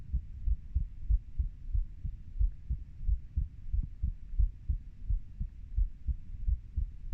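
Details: Normal heart sounds of a 30-year-old, recorded by the person themself: steady low lub-dub heartbeats at about 90 a minute, with no added sounds.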